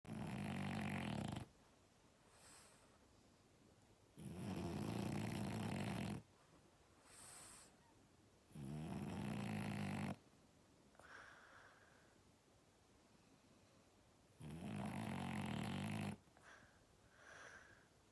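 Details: French Bulldog puppy who loves snuggling snores heavily while asleep, keeping the owner awake; loud, harsh rattling snores about every five seconds, roughly 12 a minute, with quiet gaps between.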